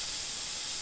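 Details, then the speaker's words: Steady high-pitched spraying hiss from an Aquacare wet air abrasion unit finishing a tooth cavity after hand removal of decay, automatically bevelling the enamel, with rubber dam and adjacent-tooth protection, without anesthetic. "We'll follow up with a finish with the air abrasion. The bevel for the enamel is automatically placed."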